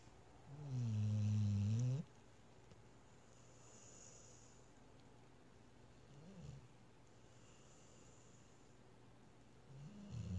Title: snoring